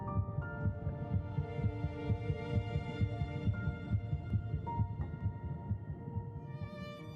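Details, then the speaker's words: Fast, regular whooshing heartbeat of about 130 beats a minute with soft music, presented as an embryonic heartbeat detectable 22 days (3 weeks and one day) after fertilization. "at 3 weeks in one day just 22 days after fertilization heartbeat can be detected"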